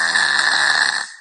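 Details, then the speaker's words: Five-year-old boy with grade 3 tonsillar hypertrophy and near-monthly chronic rhinosinusitis, scoring 19/22 on the PSQ and snoring since age 2 in any position, heard deeply snoring in sleep: harsh, rattling snore suggesting obstructed breathing. "Escuchen cómo este niño está roncando muy profundamente, tiene 5 años, empieza a roncar demasiado, de una manera que nosotros pensaríamos que está descansando, porque decimos, oye, está roncando, está durmiendo bien."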